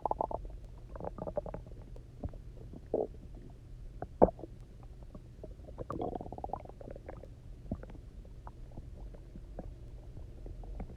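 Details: Loud gurgling, rumbling stomach noises in irregular bursts after about 24 hours of near-fasting, then drinking lots of water and lying on the side; hunger borborygmi.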